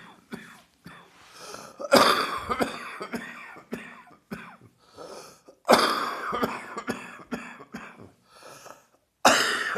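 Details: Heavy chest cold with wheezing: three harsh, heavy cough bouts with noisy breathing and throat sounds between them; chest cold cough.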